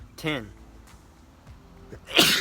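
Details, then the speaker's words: Voluntary sneeze during a sneezing challenge: a brief voiced intake, a quiet pause, then a sharp hissing burst; a single sneeze. "no it kind of took me a long time to sneeze I only want thirteen 14 Wow fifteen"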